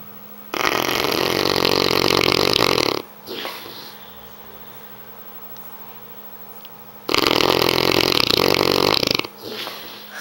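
Loud, rattling snores from a sleeping large dog, two long breaths in with quiet pauses between.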